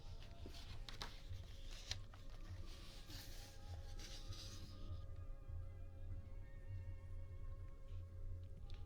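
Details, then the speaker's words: Adult's stomach rumbling (borborygmi) during a reading stream: low, drawn-out rumbling and gurgling, likened to a monster, under faint room hiss and soft tones. "Did you guys hear that? That was my tummy. It sounded like a monster rumbling. It sounded like a monster."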